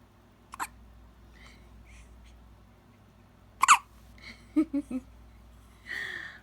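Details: One-week-old baby with hiccups: short, sharp catching sounds at irregular intervals in a quiet room.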